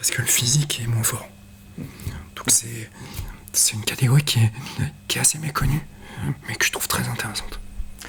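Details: Adult male quad wheelchair tennis player with a neuropathy that he says also affects his vocal cords; breathy, whispery voice; dysphonia.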